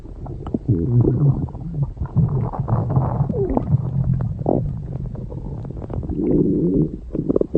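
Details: Loud, low rumbling growls with squeaky rising gurgles; ordinary stomach growling (borborygmi) from gas and fluid moving through the gut.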